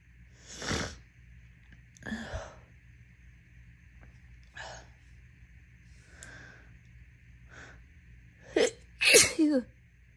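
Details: Induced sneezes after an itchy nose all day: several sharp, wet, messy sneeze bursts with sniffs, the last two loud and close together.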